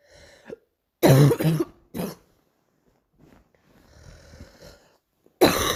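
Three harsh, deep coughs, two close together and one after a pause, with quiet rough breathing between them: a recurring morning cough.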